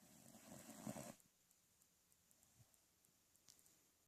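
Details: One short, rough snore on the in-breath, then quiet breathing and faint room noise; snoring.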